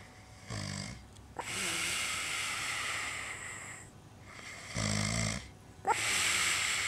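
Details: Loud, harsh snoring: a low fluttering snore on each breath in, then a long hissing breath out, repeating; snoring.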